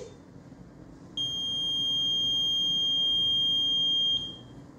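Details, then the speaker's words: BiPAP machine (Focus model) powered on after connecting the circuit at its side: steady high-pitched electronic tone about three seconds, the start-up self-test beep before programming; device self-test beep. "ao conectar nós vamos programar esse aparelho só nós vamos ligar e ele faz uma auto teste"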